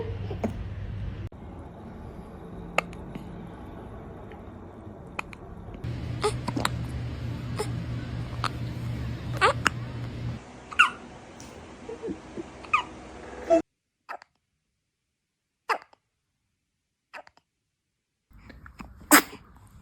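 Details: Newborn baby hiccuping: repeated brief, abrupt catches of breath over household noise, then near silence; newborn hiccups.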